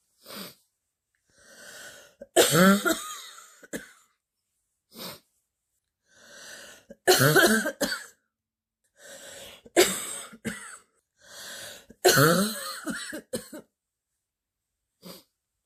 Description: compilation of clips of a girl sick with a terrible stuffy and wheezy cold that have given her a very deep barking cough